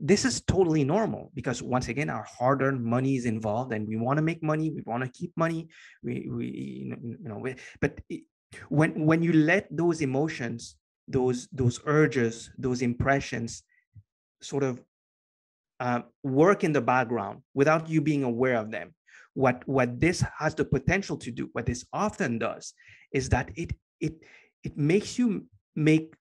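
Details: Adult man with a stutter present for as long as he can remember, long a major life challenge; after years of consistent meditation practice he has more control and it is now barely audible; stuttering.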